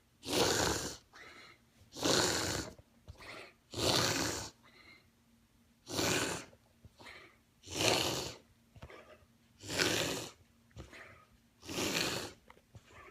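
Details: A dog makes loud, harsh snorting breaths in a rapid series with quieter breaths between, once or twice daily for a few months; owner wonders about reverse sneeze, tracheal collapse or laryngeal paralysis; paroxysmal noisy upper airway breathing.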